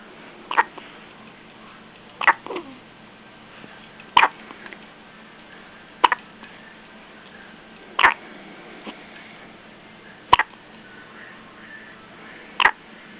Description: My baby with hiccups